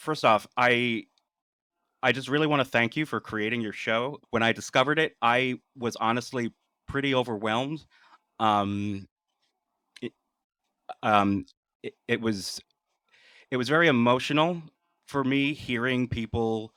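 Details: Adult man with lifelong stuttering, speaking naturally in conversation, with part-word repetitions and fillers; stuttering.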